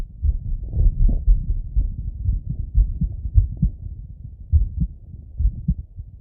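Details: Male's own heartbeat auscultated with a stethoscope after a workout set: fast, strong, thudding heartbeat with a muffled rumble; quickened heart rate after physical exertion.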